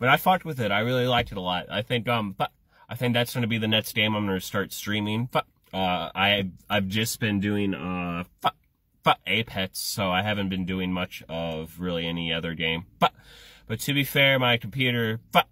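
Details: Adult male with Tourette syndrome, which also involves head movements: vocal tics (Tourette syndrome).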